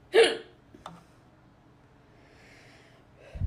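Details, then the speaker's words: A person with ongoing hiccups, trying to hold their breath: a single abrupt, short gulping hiccup followed by quiet. "I'm gonna try holding my breath. I'm still hiccuping."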